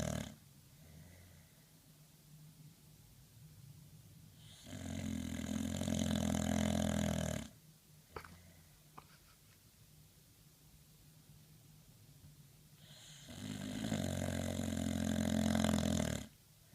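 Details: Snoring: long, loud, harsh snores about nine seconds apart, each lasting around three seconds, with quiet breathing between; regular at about seven breaths a minute.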